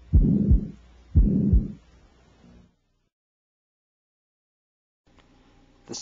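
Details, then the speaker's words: Continuous murmur of patent ductus arteriosus in a child: two low heart cycles with a rumbling, machinery-like murmur running through them, to be distinguished from the to-and-fro murmur of combined aortic stenosis and regurgitation. "The Continuous murmur of pton ductus has a Machinery like quality"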